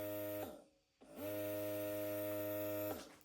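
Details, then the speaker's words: Steady electric motor hum that stops briefly, then restarts and holds: a Bellababy electric breast pump demonstrated running at level 9 in one of its higher modes. "Okay, അത് level 9 ആയിപ്പോൾ നമ്മൾ കേൾക്കുന്നത്. Level 9 use ചെയ്യുന്നവർക്ക് ഇതാണ് ഇതിന്റെ sound."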